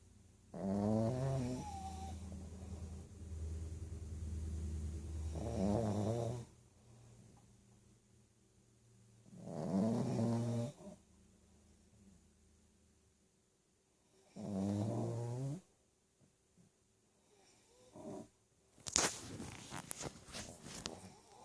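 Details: Snoring from a Pekingese, a small flat-faced dog, and a man: loud, rattling snores recurring about every five seconds, roughly thirteen a minute.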